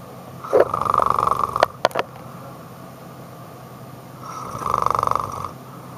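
Two rough, rattling snore sounds, each about a second long, separated by a few seconds of quiet, with faint clicks between them: snoring.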